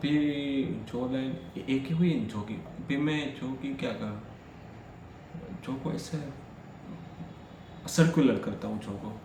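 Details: Stuttering in an adult male who stammers, recorded during day 5 of a daily speech practice routine, speaking freely as continuous-speech practice.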